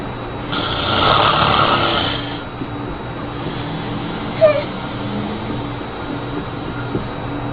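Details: Father snoring while his baby is frightened by it: one long, rough snore on an in-breath, then quieter breathing and a brief sharp sound nearby.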